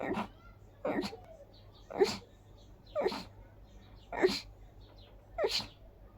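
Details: Sneezing attack on a high pollen-count day combined with dust allergy: six sharp sneezes about one per second, each with a quick intake before it, a frequent, tiring sneezing fit.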